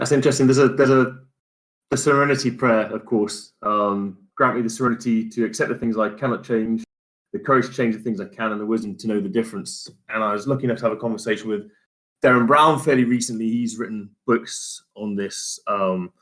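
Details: Adult man; plain speech.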